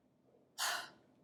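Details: Huff at high lung volume during airway clearance, part of the active cycle of breathing techniques: a forced open-mouthed exhalation, O-shaped mouth, throat open, using the stomach muscles to move airway secretions up so they can be coughed out.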